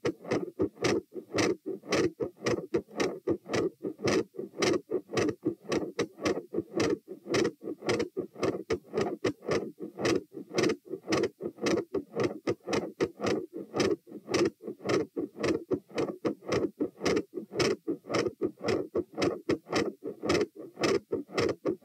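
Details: Heart auscultation at position T during a stress test (lying, sitting, standing, knee bends, standing, lying), rate 84–96–108–120–96 bpm, sounds going from quiet to very loud; exercise tachycardia with loud heart sounds.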